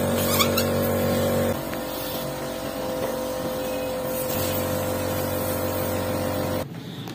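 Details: Steady motor hum with buzzing drone and handling noise from a nebulizer compressor being used to inflate balloons: nebulizer compressor running.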